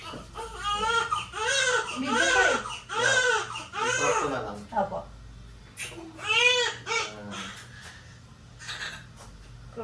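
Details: Newborn just after a normal birth with a compound presentation (hand by the face): repeated strong, high-pitched wailing cries with brief breaths between, in a small room; a normal vigorous cry.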